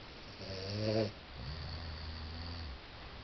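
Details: Two sleepers, a person and Spike, snoring loudly together: rattling, rumbling snore on the in-breath then softer breathing in a quiet room; ordinary snoring.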